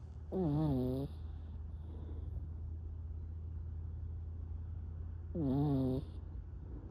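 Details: Female Yorkie napping: two loud, tonal, whistling snores a few seconds apart over a steady low hum, with music in the background; snoring.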